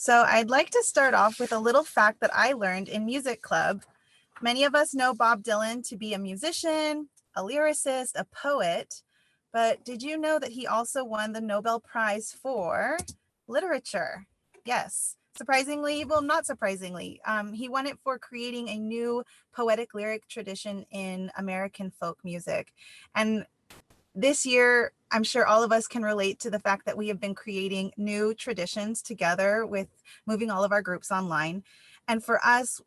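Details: Adult woman speaking; normal speech.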